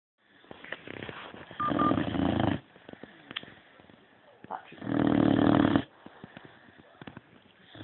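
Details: Sleeping boxer dog snoring: two long, rough, rattling snores with quiet snuffling breaths between them.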